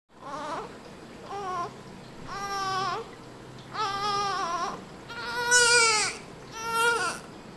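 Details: Newborn baby just after birth, kept in NICU for observation: five rhythmic, clear, full-voiced crying bouts with short pauses, a vigorous newborn cry.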